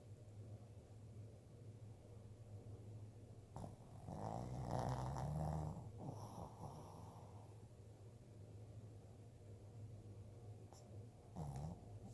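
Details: Sleeping dog, nose twitching: deep, rumbling, loud snores with snorting sounds over a steady low background hum.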